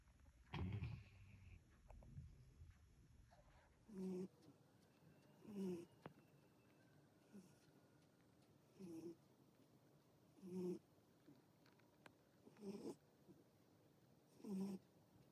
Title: Funny dog snoring loud